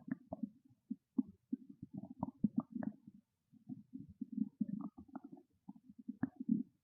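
Continuous low gurgling and rumbling with bubbly pops, typical loud bowel sounds of a hungry stomach.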